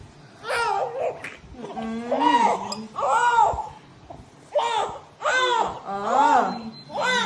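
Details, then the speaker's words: Vigorous newborn cry right after a natural vaginal birth: repeated loud, strong wailing bursts with short breaths between; the warm baby cried immediately after delivery. "Ang init si baby ha okay naa Buti umiyak ka agad"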